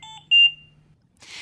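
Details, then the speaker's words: Trilogy 100 ventilator medium priority alarm: three beeps in a repeating pattern while the audio pause button flashes yellow and the message is highlighted yellow; requires prompt attention, silenceable for a minute with audio pause. "this is a medium priority alarm you hear three beeps in a repeating pattern and the audio pause button flashes yellow"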